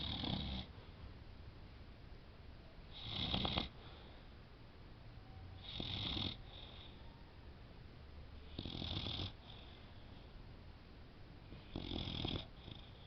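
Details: Female boxer dog sleeping peacefully and snoring: regular snuffling snores, about one every three seconds (roughly 20 a minute).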